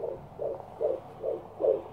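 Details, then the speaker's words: Fetal heartbeat at 18 weeks in a fourth pregnancy, heard at a midwife appointment: rapid, regular whooshing Doppler beats at about 145 a minute, a normal fetal heartbeat. "that's a lovely heartbeat that's good that sound just never gets old does it"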